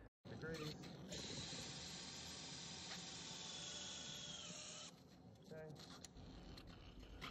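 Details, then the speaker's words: Powered pin driver in a dog's TPLO (tibial plateau leveling osteotomy) after the osteotomy is completed: a threaded rotation pin is placed cranially, angled laterally. Steady high whine for several seconds as the pin enters bone, then winding down. "a threaded pin for rotation is placed cranially approximately angled quarter laterally"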